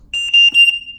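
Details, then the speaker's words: A Trilogy 100 ventilator, used for BiPAP and CPAP through a non-vented mask, gives a short series of high-pitched electronic beeps as it powers on: its normal start-up signal. "will beat three times it will go real um so i'ma go from red to orange to no color at all"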